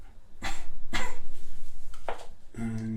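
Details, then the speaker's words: During a real-person ASMR ear and cranial nerve exam roleplay, an adult performer with suspected tinnitus gives a few short, light voluntary coughs while a stethoscope is on the back. Quiet room; the lungs are judged clear. "next if you could just do a little cough just a small cough and"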